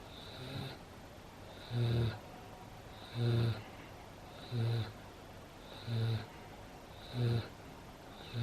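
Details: Pet snoring while asleep 5 minutes after a long walk, play with a favourite toy and 10 minutes of zoomies: regular low rumbling snores, about six in eight seconds, with quiet gaps between breaths.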